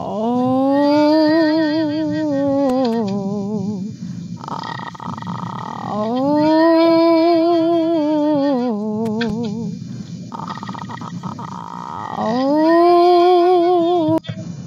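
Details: Voice therapy exercise for vocal fold lesions, moving from glottal fry, a sustained aperiodic voicing of both vocal folds, slowly into modal voice to stretch the folds; vocal fry to modal voice exercise.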